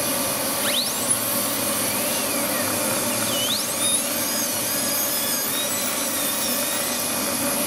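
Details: Live veneer preparation of maxillary anterior teeth in a dental student with a diastema, smile-design case: high-speed handpiece whine dipping and rising as it cuts tooth under water spray, over suction hiss and background music.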